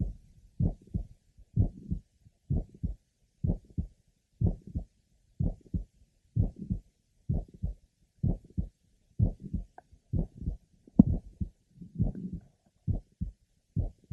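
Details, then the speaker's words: Symptomatic woman with mitral valve prolapse, chest discomfort, premature beats and past paroxysmal atrial tachycardia, heard at the apex: heartbeat near 62 a minute with sharp systolic clicks in the last half of systole. "she has syy Clicks in the last half of Cy although these clicks are usually present occasionally they are not detected Apex"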